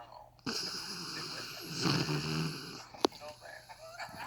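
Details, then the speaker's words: Dog snoring unusually loudly while asleep, described as unbelievable even by an owner used to dog snoring; snoring. "they even never heard a dog snore like that like I've heard them snore but this is unbelievable"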